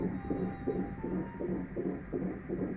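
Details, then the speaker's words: Doppler monitor of a 20-week pregnancy due late October, the couple's first child, with a fast, rhythmic whooshing fetal heartbeat at about 160 beats a minute: fetal heartbeat. "That you hear there is the heartbeat dawn of an upcoming baby. We have a baby. Maisy's pregnant 20 weeks now."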